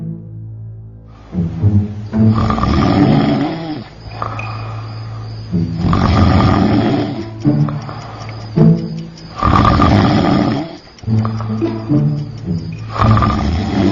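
Loud, rough, rumbling snores on each breath, about 17 a minute, over background music.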